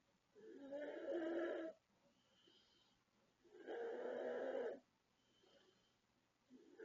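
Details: Loud, drawn-out, rasping snores on each breath in, about 20 breaths a minute, with quiet breaths out between, from a sleeping 36-year-old woman: very loud snoring.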